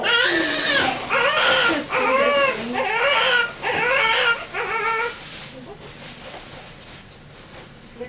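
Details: Newborn baby boy, 21¼ inches long, just after birth: several loud, rhythmic wailing cries fading to quiet room noise; a strong, healthy newborn cry.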